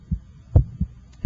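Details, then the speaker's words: Normal first and second heart sounds at the apex (PMI) through an electronic stethoscope, first sound timed with the radial pulse and louder at this apical position. "I can hear the second heart sound the first hot sound should have a louder quality in this apical position"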